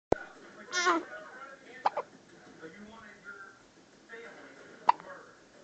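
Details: Baby hiccupping while passing stool: small vocal sounds with sharp, abrupt catches in the breath, about three hiccups in a few seconds, quiet room; infant hiccups.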